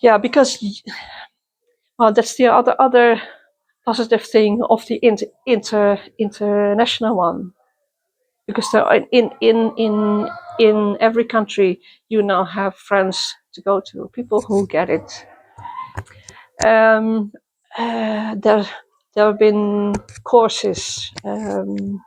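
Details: Adult woman who stutters, attending youth meetings for young people who stutter since 1995; stuttering.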